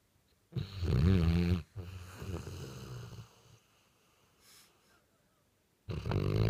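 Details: Barty, a dog sound asleep and comfortable: two loud, deep, rumbling snoring breaths separated by quiet pauses; snoring.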